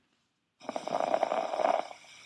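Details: Veterinary auscultation teaching example with no murmur but an odd added sound: crackles.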